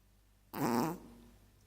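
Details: Sleeping Chihuahua gives a single short, rough, rattling snore, then quiet room noise.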